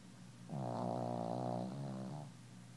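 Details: Sleeping pet snoring: one drawn-out, buzzing, tonal snore.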